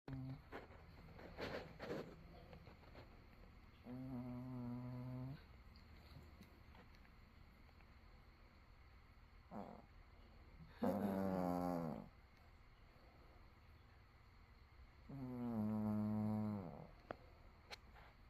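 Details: Dog (female) snoring at 9:00 AM, having only been up long enough to eat and go outside; slow, rough, buzzing bursts with quiet gaps between breaths: snoring.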